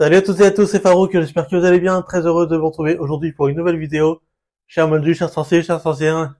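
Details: Stuttering in an adult French-speaking man who has stuttered for years, sometimes subtle, sometimes obvious, with blocks and blanks mid-sentence; he has seen a speech therapist since age 18.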